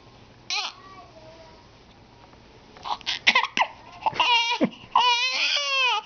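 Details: Infant with a bad case of hiccups getting mad: fussing and crying in rising bursts, with brief sharp catches between the wails, in a quiet room; infant cry.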